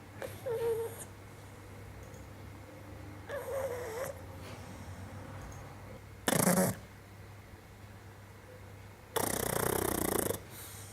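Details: Pug snoring, recorded on a Sony a6300 with a 50mm lens: irregular rasping snores and snorts over steady room hum, with quieter breaths between.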